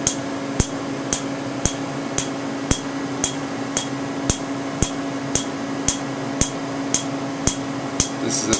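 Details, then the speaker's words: Steady sharp snapping clicks, about 113 a minute, over a low room hum: Candela TriVantage Q-switched 755 nm laser in alexandrite mode on a man's previously treated tattoo after 15 minutes of topical anesthetic; moderately painful. "so this this is the uh Alexandrite 755 nanometer Q switch laser from Candela it's called the tri Vantage we're doing it in the Alexandri mode"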